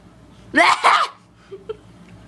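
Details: Child imitating someone's cough heard at night in a tent: voiced, throaty two-part cough sound.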